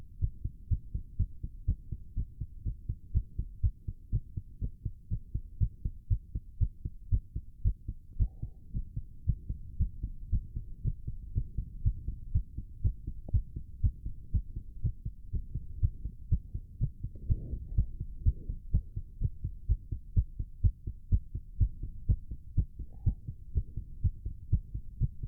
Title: Male's Racing Heartbeat While Doing A Plank (Heavy Breathing)